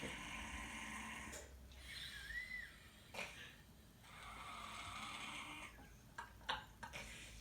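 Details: Cat snoring loudly during sleep; owner suspects she has sleep apnea.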